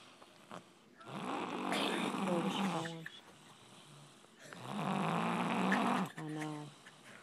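Two long, rough, rattling snores on the in-breath, each ending in a low groaning tone, with quiet gaps between; ordinary snoring.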